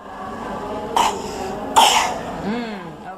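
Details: Child assessed for cough or difficult breathing: two short, harsh coughs with faint voice-like sounds and room noise.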